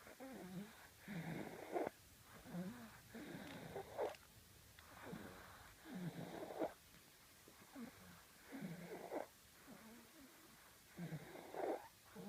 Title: Matilda and the snore